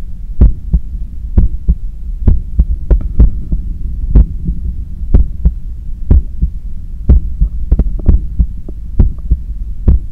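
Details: Normal heart sounds recorded at the neck, with a visibly strong neck pulse, while cooling down after a 10 km run: steady paired lub-dub beats at about 60 a minute over a low hum as the heart recovers.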